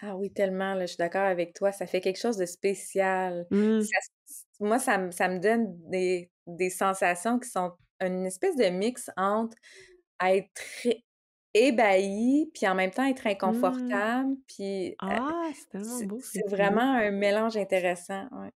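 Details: Adult woman with stuttering, herself a speech-language pathologist, speaking Quebec French in conversation.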